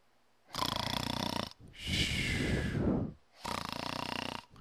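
Loud rattling snores on breathing in, separated by a rough, noisy breath out; snoring.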